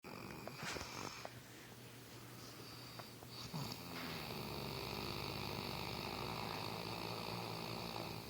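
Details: A sleeping dog gives a soft, steady, fluttering snore, a low rumble with a slight rattle, over faint room noise; snoring.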